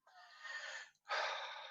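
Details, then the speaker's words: Adult male live-streamer, who coughed just before in a warm room (70°F), takes two loud breaths with a faint whistling edge; he says he rarely wheezes and does not know why: wheezing. "Yeah, I have zero idea why I'm wheezing. It's so weird. I don't weeze that often usually, by the way."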